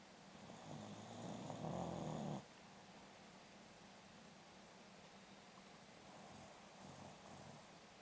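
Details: One loud rumbling snore, then quieter snoring breaths in a still room; a sleeping corgi dog snoring.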